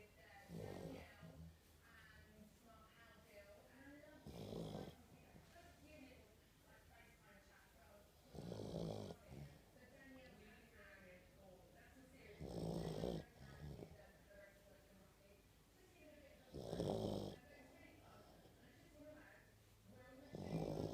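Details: A sleeping fat dog: repeated low, snorting snores with wheezy whistles between them, about 16 a minute; snoring.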